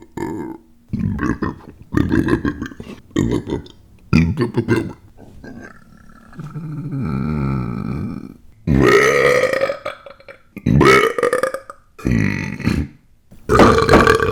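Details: Adult male: a run of loud, drawn-out, rumbling belches of varying length, back to back; repeated burping.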